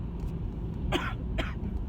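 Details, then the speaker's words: Two separate harsh coughs over steady car noise, from an adult driving to the doctor with a cold that has not improved after days, persistent cough and congestion and a clogged ear; cough of bronchitis. "i've just been my cough has not gotten any better my congestion has not gotten any better"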